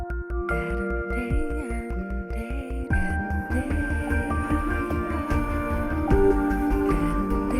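Gentle synth music with a steady pulse sounds muffled and dull, lacking treble: a simulation of age-related hearing loss at about 60.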